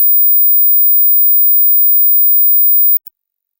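A steady, very high-pitched pure tone, faint or inaudible to many listeners, holds for three seconds and stops: a high-pitch hearing test tone.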